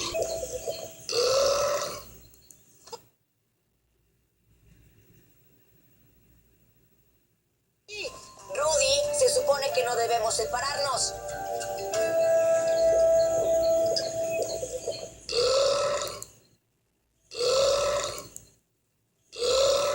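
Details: A cartoon crocodile and rhinos make loud, several drawn-out burps over music and children's voices; these are acted sound effects, not real eructation: burping.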